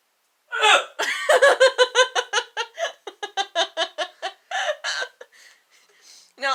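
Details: Woman (sister) with a bout of strong hiccups that began after laughing while slouching, worsened after drinking too much water; likely acid reflux disease: rapid run of short voiced gasps, some with laughter.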